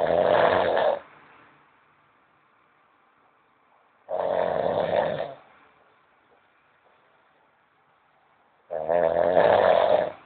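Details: Man snoring: three loud, rough snores about every four seconds, roughly 14 a minute, with silence between; ordinary snoring.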